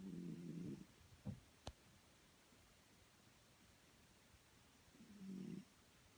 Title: Snoring with photos